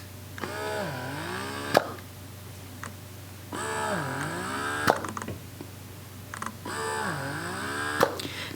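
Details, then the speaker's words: Carer Health wearable electric breast pump running: rhythmic motor whine rising and falling with a click each cycle, about 19 cycles a minute; not silent, perhaps slightly louder than the Willow. "i have to say it's not silent it's not as silent as the lv but it's pretty close to most likely the willow maybe slightly louder than the willow"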